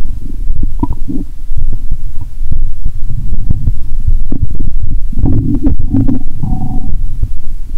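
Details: Bowel sounds (borborygmi) heard by stethoscope near the heart: loud, close-up gurgling and bubbling rumbles with brief squeaks.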